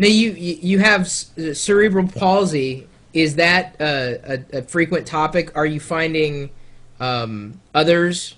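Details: Adult speaker; ordinary speech.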